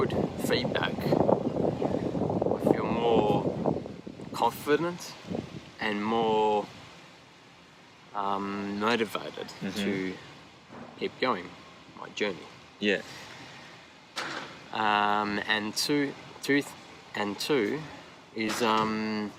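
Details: Aphasia after an AVM stroke at age 34 in a man now 39, initially global aphasia, now described as more receptive.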